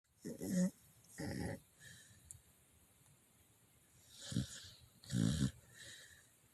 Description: My baby Mozzy was so tired from running. He's snoring on top of my bed and I don't mind it at all.